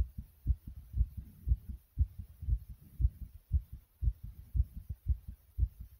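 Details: Loud, regular, pounding heartbeat at about 118/min after jumping: rapid heartbeat after exercise.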